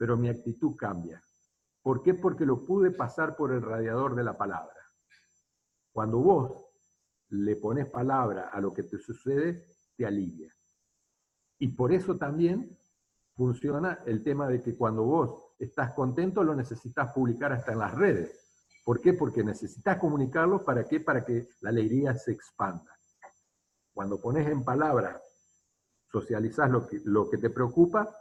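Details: Adult man speaking Spanish; ordinary speech.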